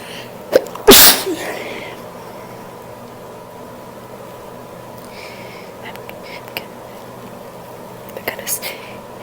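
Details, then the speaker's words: Female sneeze after describing a tickle: a brief catch of breath, then a single loud, explosive sneeze, followed by quiet breathing and a few small sounds in a quiet room. "Why? Um, God, it tickles so much. I can feel it coming."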